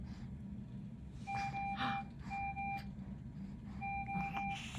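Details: Hospital monitor beeping in the room of a baby before his third surgery: repeated two-tone electronic beeps over a low room rumble.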